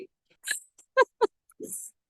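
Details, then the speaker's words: A three-legged French bulldog asleep under a chair makes short, irregular nasal snorts and grunts with a brief hissy breath at the end: snoring. "I'm really sorry if you can hear snoring my French bulldog has gone to sleep under my chair"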